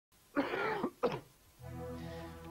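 Two rough, wet-sounding cough bursts from an adult, followed by music; an acted chesty cough.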